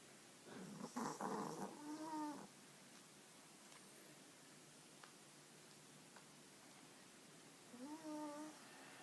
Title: A cute dog snoring